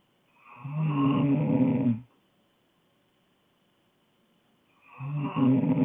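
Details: Girl asleep: loud, rough, rattling snores on inspiration separated by about three-second quiet pauses; ordinary snoring.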